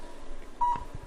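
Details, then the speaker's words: Cold laser therapy device beeping during plantar fasciitis treatment on the foot's plantar fascia: single short electronic beep over quiet room noise, showing the device is on. "beautiful thing about this technique is you can hear the machine beeping we know it's on"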